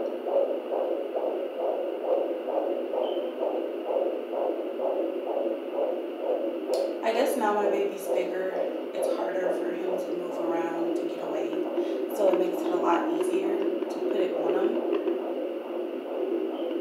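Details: Rapid, regular whooshing fetal heartbeat, about 130 to 140 a minute, picked up with a Sonoline B handheld fetal Doppler: fetal heartbeat on Doppler.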